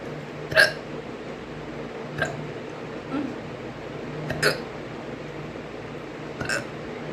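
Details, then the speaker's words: Woman at 6 a.m. about to brush her teeth: four sharp, brief hiccups at irregular intervals over about seven seconds, against steady low room hum. "अरे सुबह सुबह हिचकी।"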